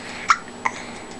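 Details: Baby girl: two short, sharp hiccup sounds in quick succession; ordinary infant hiccups.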